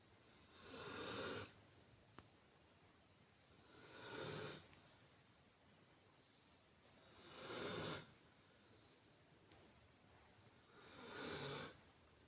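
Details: Snoring during sleep: soft, airy snoring breaths about every three and a half seconds (roughly 17 a minute) over quiet room hiss.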